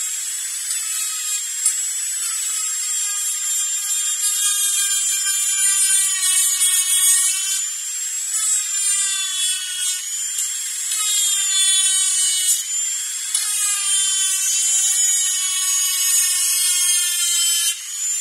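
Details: Dentist-drilling sound-effect recording: continuous high-pitched dental drill whine, rising and falling slightly in pitch.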